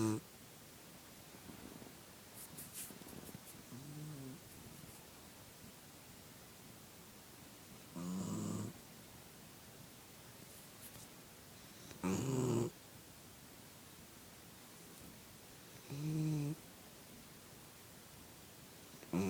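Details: A sleeping female puppy snoring again after she farted: three brief rumbling snores about four seconds apart, about 15 a minute.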